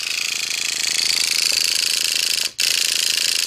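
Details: Rapid regular mechanical ratchet clicks, about three per second, as a 50-plus woman raises her dermaroller's needle depth to 0.75 mm to treat a facial incision area.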